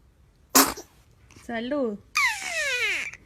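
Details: Baby sneezing: a sharp burst of an infant sneeze, then brief cooing and a rising-falling cry-like vocalization.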